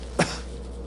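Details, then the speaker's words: Imitated choking cough, demonstrated during a cranial nerve examination of speech and swallowing: a single brief cough of the kind heard with bulbar weakness (palate, tongue, lip dysfunction), as in motor neuron disease. "because they're choking and they're often carrying a hankerchief or a Kleenex in their hand"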